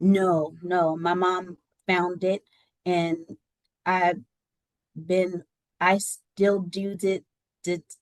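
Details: Adult woman with aphasia after a stroke that left her unable to talk and partially paralysed on her right side; she regained speech with therapy.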